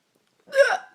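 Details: A single abrupt, loud voiced hiccup after silence from an adult woman who gets hiccups about once a year.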